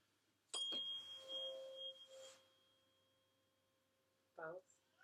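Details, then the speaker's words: Weber hearing test during a head-to-toe exam: a struck tuning fork gives a steady pure hum that slowly fades while the patient reports which ear hears it best; normal finding. "alright so for the Weber test I'm going to start the tuning fork and tell me which ear you can hear it the best in or if it sounds similar in both"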